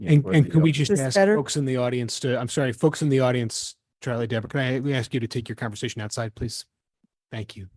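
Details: Adult man speaking into a microphone; typical voice.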